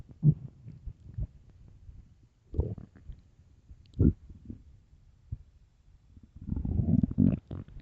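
Low gurgling rumbles in several bursts, with a longer churning growl at the end; loud stomach growling of an empty stomach, normal bowel sounds.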